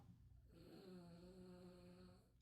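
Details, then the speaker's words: Dog named Bruce snoring in the background during a live stream. "you hear my dog snoring Bruce stop snoring mama I love you"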